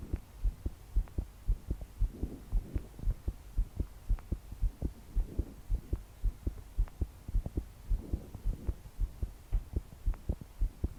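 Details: A 22-year-old female's strong, regular, pounding heartbeat at about 113 a minute, with slow deep breaths while she tries to calm down to sleep. Her body shook with each beat, and heavy rain is in the background.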